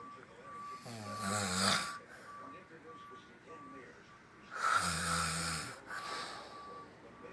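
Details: Loud, rough, buzzing snores several seconds apart with quiet gaps, recorded while sleeping on a couch; faint steady tone in background; snoring.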